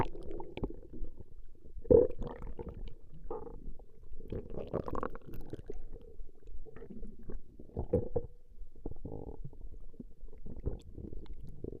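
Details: Woman's stomach growling recorded over a long session: continuous low gurgling and rumbling with irregular louder bursts; ordinary borborygmi.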